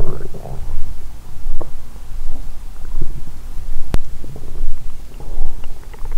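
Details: Woman's abdomen after a large meal with wine following 22-hour fast: low rumbling and bubbling gurgles with a sharp click midway; ordinary active bowel sounds.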